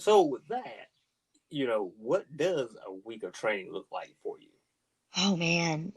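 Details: Adult speaker; normal voice.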